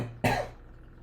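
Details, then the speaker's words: A single abrupt, fairly loud cough from an adult man with a lingering cough that had stopped him speaking the week before, followed by quiet room noise and a faint low hum. "Perdón ya pueden oír la tos que por eso fue que tuve que verme obligado a mover el webinar de la semana pasada para esta porque no podía hablar y no se me ha quitado"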